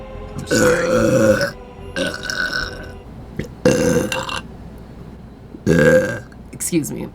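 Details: Four long, voiced, croaking belches in a row with faint music behind; repeated burping.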